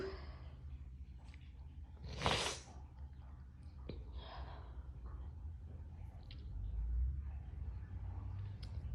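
A single sharp burst of air with a short indrawn breath before it, then quiet breathing over a low room hum; a sneeze.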